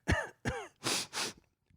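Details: Adult man with bad allergies, sniffles and near-swollen eyes: two voiced throat-clearing grunts followed by two harsh coughs; cough and throat clearing.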